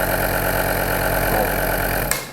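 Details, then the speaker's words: Home nebulizer compressor machine on a flat surface, plugged in and switched on to confirm it is connected (step 1 of home use): steady mechanical hum and buzz with a switch click; nebulizer compressor running. "अब इस on और of के switch को on करेंगे, जिससे हमें पता चलेगा कि मशीन कनेक्टेड है।"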